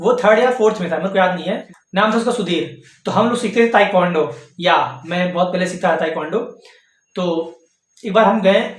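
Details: Hindi-speaking adult male who has stuttered since childhood. Stuttering.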